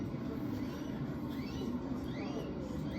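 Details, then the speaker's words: Infant with moderate RSV bronchiolitis and subcostal retractions, wheezing audible without a stethoscope: faint high whistling squeaks over noisy breathing. "So do y'all hear that whistly sound? That's wheezing. This little baby's wheezing so bad you don't even need a stethoscope to hear it, okay?"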